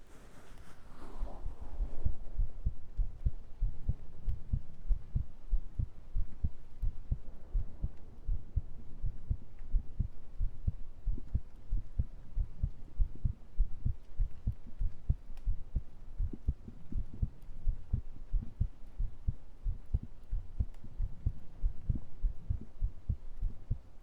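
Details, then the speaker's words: Normal heartbeat recorded by microphone during an ASMR stream, just after running up and down stairs, possibly faster than usual: steady, regular, slightly quick low thumps with a faint hum underneath. "I did just like run up and down the stairs and like run around my room to like clear my desk before stream. So who knows, maybe my heart was going faster because I kind of felt like it was."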